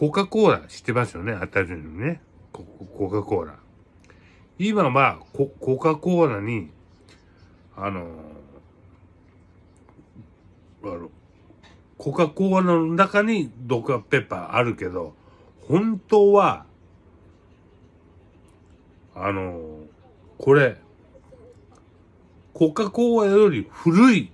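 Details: Speaker with aphasia after a cerebral hemorrhage, with hemiplegia, showing word-finding and articulation errors; aphasia.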